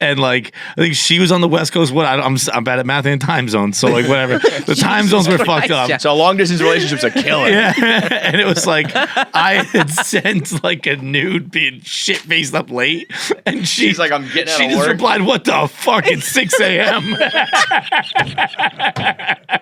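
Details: Adult man speaking in an interview; ordinary conversational speech.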